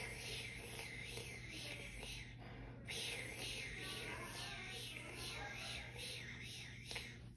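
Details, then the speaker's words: Tracheostomy suctioning on a simulator after re-oxygenation, saturation 100; repeat pass, retracting two centimetres then suctioning; steady suction hiss with low machine hum. "I'm gonna move it perform sectioning again alrighty and then I'm going to retract it and then I'm going to be suctioning while advancing retract two centimeters then section"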